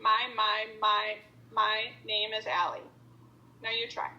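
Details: Clinician deliberately demonstrating voluntary stuttering, a stuttering modification technique, with whole-word repetition; voluntary stuttering (whole-word repetition).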